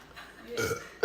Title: Farts & Burps